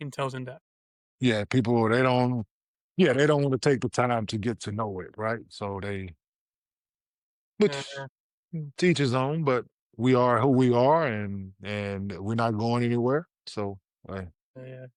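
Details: 47-year-old man, former professional basketball player, with stuttering since childhood.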